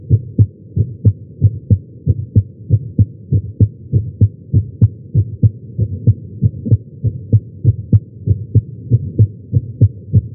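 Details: Heart sounds recorded with a Stemoscope at the tricuspid area, lying on the chest during chest pain: steady strong heartbeats about 95 a minute over a low hum.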